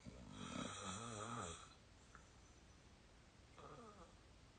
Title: real tired snoring 22 year old audio 2